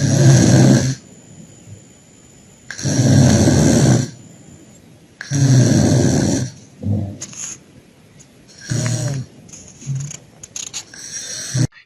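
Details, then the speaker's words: An unconscious male patient on 2 L/min oxygen by nasal prongs, saturation 98%: loud, harsh rattling snores with each breath, about 5 in 12 seconds, suggesting partial upper airway obstruction. "Yes, the snoring suggests he has partial airway obstruction."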